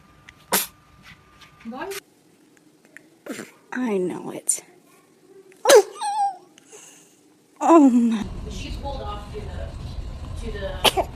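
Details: Infant: several small, high, quick sneezes with brief pauses, then adult voices and room noise; ordinary baby sneezing.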